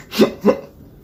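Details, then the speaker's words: Adult with Tourette syndrome making his hiccup-like vocal tic: two quick hiccup-like vocal bursts. "you know the hiccup noise i make well sometimes like when i'm just sitting down when i'm doing nothing um sometimes i'll just make that hiccup noise and i don't even realize it"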